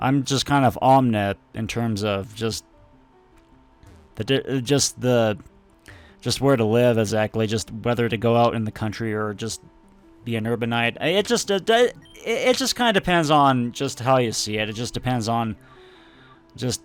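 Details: Adult male speaker; stuttering.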